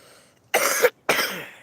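Two short, harsh coughs from an adult, the first ending in a brief throat-clearing sound, with faint outdoor background.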